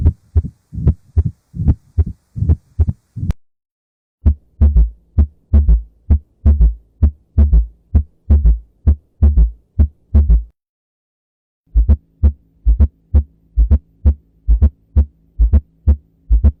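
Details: Low, regular heart thumps at about 65 a minute, heard in three stretches, labelled as abnormal heart sounds.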